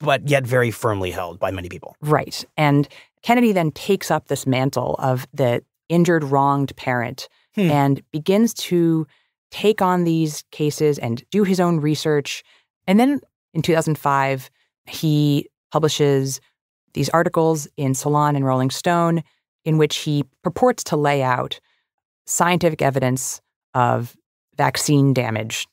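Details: Adult narrator; normal voice.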